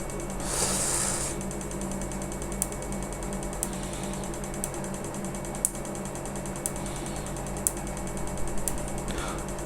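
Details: Q-switched laser firing during live tattoo removal, breaking pigment into very small particles: sharp regular snapping clicks about once a second over a steady machine hum.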